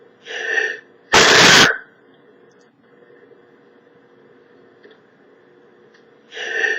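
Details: Male sneezing: a short in-breath followed by one loud, explosive sneeze, then quiet room noise and another brief vocal sound.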